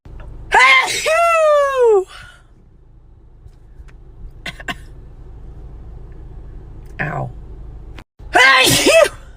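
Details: Sneezing fit, one of two: two loud, abrupt sneezes with a voiced cry, separated by quiet room noise.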